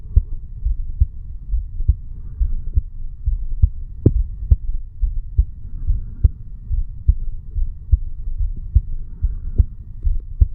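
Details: Heartbeat of a 35-year-old male sitting on stairs, recorded over the bicuspid (mitral) valve area: steady low thumps about 70 beats a minute with faint background hum; normal heart sounds.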